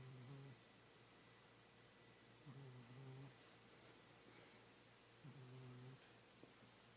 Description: This is my old fat cat named Kitty, and he is snoring and dreaming loudly.